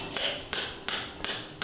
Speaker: and that's the sound of a metal stem being inserted into the top of the thigh bone which is topped with a replacement ball